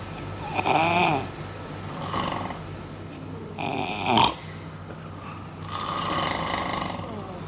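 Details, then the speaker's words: Four loud, rough, rattling snores in quick succession over a steady low room hum from an adult man asleep, in a snoring-loudness comparison on a reality show. "Well, we thought we'd put it to the test and check out their snoring levels for ourselves."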